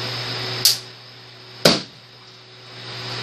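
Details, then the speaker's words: Tattoo-removal laser fired at balloons as a demonstration, not on skin: steady machine hum with two sharp snapping pops about a second apart as pulses fire, the second louder as a balloon bursts. "we go again a little louder obviously it's not that loud on your skin"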